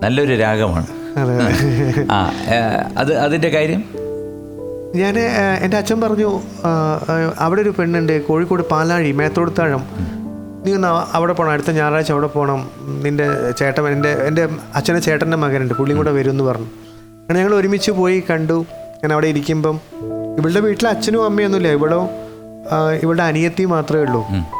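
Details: Adult male actor who has a stutter, speaking Malayalam on a TV talk show; stuttering.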